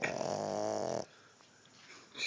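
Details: A single loud, buzzing snore lasting about a second from a small female Boston terrier, then quiet breathing; her eyes are open wide around it; snoring.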